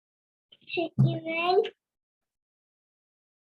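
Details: Child with cleft palate, sample one, word 'receiver'; clear h-like release of air through the nose from velopharyngeal dysfunction or oronasal fistula; nasal air emission.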